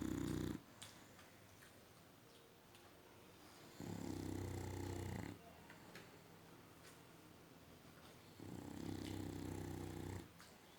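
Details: Dog in a deep sleep giving soft, low, rattling snores in a slow, regular rhythm with quiet pauses between them; snoring.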